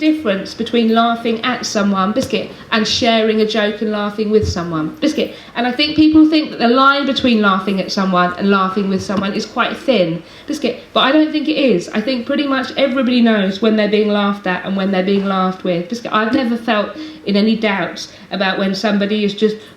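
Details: Adult woman with Tourette syndrome producing involuntary vocal tics: single words repeated hundreds of times a day that interrupt her speech, with some current tic words persisting about three years; no control over which words become tics.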